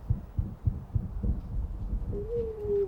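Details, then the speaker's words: Recording of a dog played in a veterinary nursing cardiology talk: a grade 4 heart murmur, louder than grade 3. Grading is noted as very subjective. "okay so I'm going to play so as I said grade four and grade six I've put question mark because they're so so subjective"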